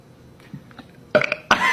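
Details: Two men in a burping contest: after quiet murmuring come two loud, rough, throaty belches.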